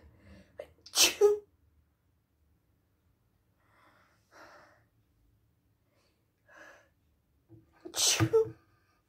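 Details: Two forceful, wet sneezes, each with a sharp inward gasp before it and quieter sniffs between, from a child home from school with a really bad cold despite cold medicine; sneezing.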